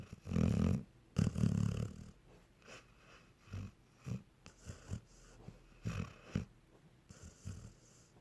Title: Honey snoring like a cartoon dog